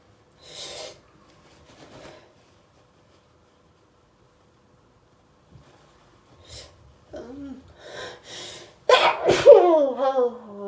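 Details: Soft breaths and small sneezes build to a loud, forceful voiced sneeze, part of a repeated hay-fever sneezing fit.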